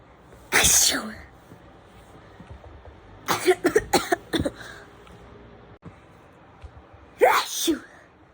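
Several sharp explosive sneezes of varying styles, including one rapid series, separated by quiet room noise.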